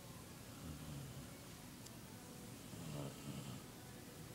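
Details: Sleeping female Irish setter dog: two soft, low rumbling snores about two seconds apart over quiet room noise.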